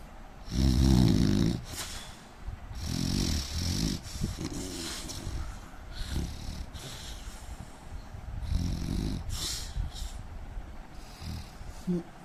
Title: indian man snoring 🤣